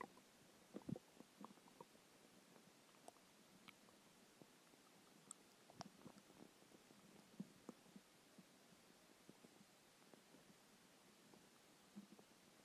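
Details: Quiet, scattered gurgles and brief rumbling squeaks over low hiss from an empty stomach after skipping lunch; hunger stomach growling (borborygmi).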